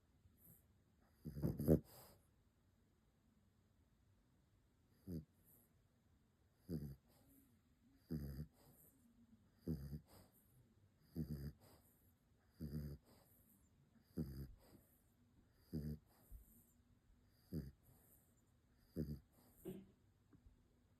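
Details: Sleeping dog snoring: regular rattling snores about every 1.6 seconds, roughly 38 per minute, in a quiet room.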